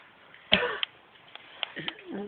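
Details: Child asked to cough gives a single sharp, forced voluntary cough, followed by a brief vocal sound in a quiet room.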